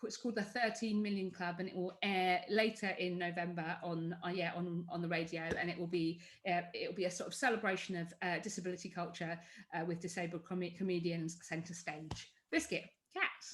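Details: Adult woman with Tourette syndrome producing involuntary vocal tics (e.g., 'biscuit') that interrupt her sentence; vocal tics (Tourette syndrome).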